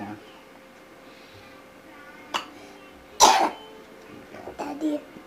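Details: Sick young child coughing: one sharp cough with a few smaller throaty sounds amid quiet room noise.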